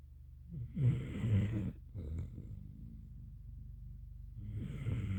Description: More Snoring from my Gampr Dog, her name is Pretty.